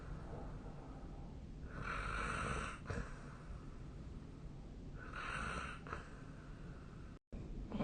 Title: 🐽 本日のイビキ / Snoring Sleep Sound 2025/03/14